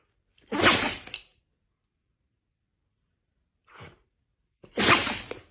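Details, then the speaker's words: Dog sneezing: two sharp bursting sneezes separated by a soft snuffle; an ordinary dog sneeze. "So you're... God bless you. You're sneezing."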